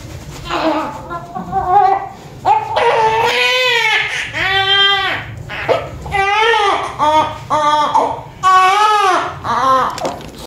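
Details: Vigorous rhythmic wails from a newborn, reportedly large, just after a normal vaginal delivery with a nuchal cord, over low room noise: a strong, normal newborn cry.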